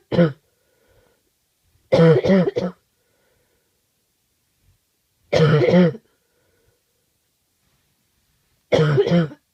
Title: Awful cough